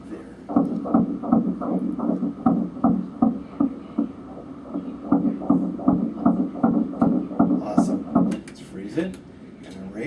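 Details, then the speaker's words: Rapid, regular whooshing fetal heartbeat at 160 beats a minute on a 12-week ultrasound, with growth measured on track; normal fetal heartbeat. "here good 160 beats a minute looks really good"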